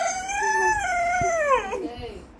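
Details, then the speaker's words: German Shepherd dog howling and whining, frightened by the sound of firecrackers going off. "బాంబుల sound కి భయమేసేస్తుంది దానికి అమ్మో ఎవరమ్మా ఎవరు బాబ బంబులు వేసారా ఆ టపాకాయలు పేల్చారా"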